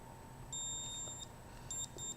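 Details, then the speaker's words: Short series of shrill electronic beeps: digital thermometer alarm for an armpit reading of 37.8 °C, in the fever range, taken by an adult man at home, who says he has no fever. "37.8. And that alarm indicates a fever, which I don't have."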